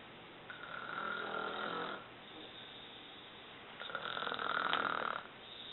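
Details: Mother snoring while asleep: two long rattling, whistling breaths, each lasting over a second.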